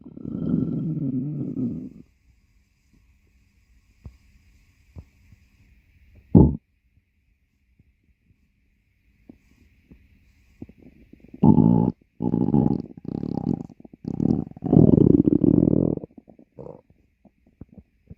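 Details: Adult stomach growling: low gurgling and rumbling bursts of ordinary bowel sounds from gas and fluid moving, borborygmi.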